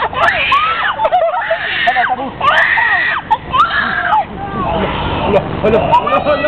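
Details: Young child cries hard in repeated loud, high-pitched wailing bursts, frightened and upset because the child did not want to bathe in the sea.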